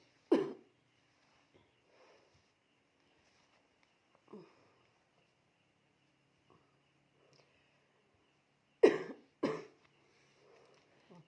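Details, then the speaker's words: About four short, dry coughs in a quiet room from a person with night-time cough and breathlessness, being massaged to ease breathing: one alone, a quieter one, then two close together. "Malam-malam batuk. Ada seseknya."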